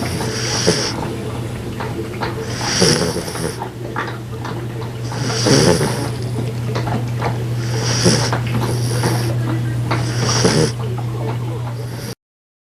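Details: Female golden retriever puppy curled up asleep, snoring with steady snorting breaths every two to three seconds over a low hum, said to snore just like her grandfather; snoring.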